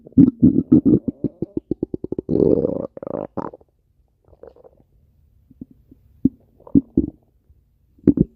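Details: Stomach growling (borborygmi).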